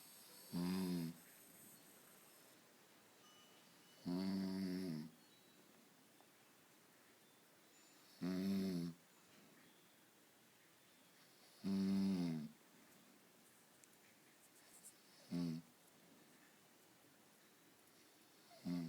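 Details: Adult man (husband) snoring while asleep: regular loud, rattling snores, about five in under twenty seconds, separated by quiet breathing; snoring.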